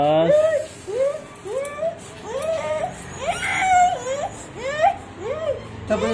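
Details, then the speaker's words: Young child crying during a scissors haircut: repeated rising wails, each about half a second to a second long. "तो guys हमने अपने मेहमान की cutting कर ली है लेकिन डिस्टर्ब तो य बहुत हुआ है रोया और अभी भी चुप नहीं कर रहा"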